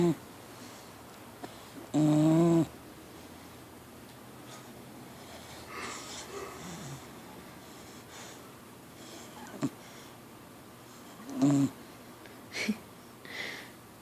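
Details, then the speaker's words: Four-month-old pit bull puppy, Zoe, snoring while asleep: a few brief, loud, rough snorts and snores between quiet breathing, with faint background music. "This is little Zoe at four months snoring like a full grown man."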